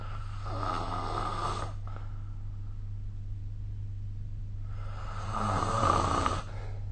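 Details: Snoring during sleep recorded with the SnoreLab app: two long, rough, rattling snores with a quiet pause between them over a steady low room hum.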